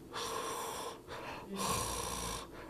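Musical, whistling tones run through the breath sounds over two breaths: wheeze, an abnormal added sound from narrowed airways.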